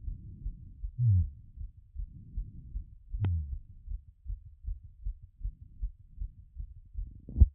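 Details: Self-recorded post-workout heart auscultation after the heart rate had peaked around 180 and begun settling: muffled, regular low heartbeat thumps through a stethoscope with rubbing noise; heart sounds after exercise.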